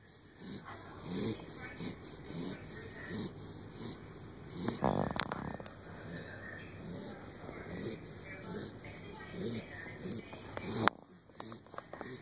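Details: 12-week-old Springer Spaniel puppy snoring in sleep: quiet, repeated raspy breaths with faint room noise and a brief rustle.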